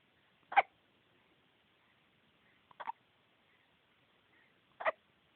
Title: More hiccups